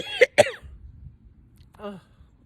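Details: Adult non-smoker imitating a smoker's cough as a joke, with eyes watering afterwards: two quick, harsh cough bursts, then a short voiced grunt. Imitated smoker's cough.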